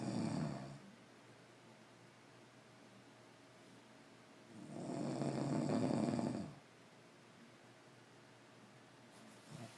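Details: Grandma snoring in her sleep: slow, regular breathing with a long, rattling snore on each breath, roughly every five to six seconds.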